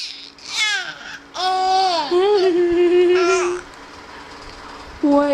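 High-pitched drawn-out infant wails with falling pitch and brief pauses, the voiced crying of a baby.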